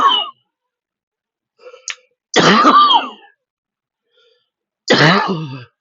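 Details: Repeated harsh, throat-clearing coughs in quick succession while wheezing, after being unable to use an inhaler properly: a persistent cough that keeps recurring.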